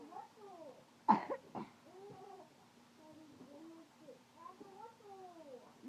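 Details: Young girl's chronic, repetitive wet cough (mother counting coughs over 2 minutes; child says nothing hurts): two short coughs, with meow-like sounds around them.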